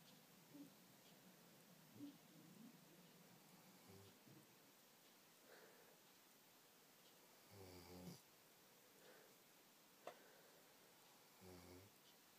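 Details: Female Labrador retriever napping: quiet, steady breathing with a few short, soft, buzzing snores about four seconds apart over faint room noise; snoring.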